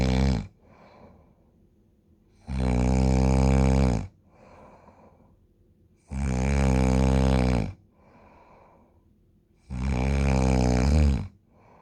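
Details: Loud, rumbling snores on each inhalation, about every 3.6 seconds (roughly 16 breaths per minute), with quiet exhalations between; the snoring stops temporarily when the sleeper is turned onto their side.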